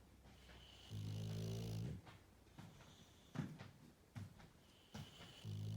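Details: English Bulldog sleeping, giving long, low, rattling buzzes on each breath with quieter snuffling breaths between: loud snoring.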